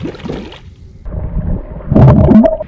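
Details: CPAP mask submerged underwater in a demonstration, at about 14 cm pressure: bubbling, gurgling water over a steady low blowing tone, with the pressure too weak to keep the water out, so the mask floods.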